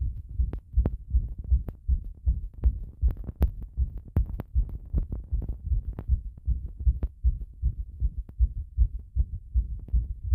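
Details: Heart sounds recorded after a bath with the device pressed to the chest: a steady, deep thumping heartbeat at roughly 80 beats a minute, with some rubbing noise.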